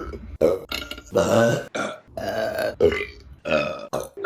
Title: Burping Compilation June #4 | RBC